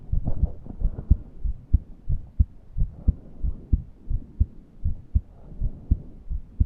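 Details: Person reporting a suffocating feeling and unable to breathe deeply: regular heartbeat at about 88 per minute with a faint, rough, humming breath sound beneath, consistent with wheezing.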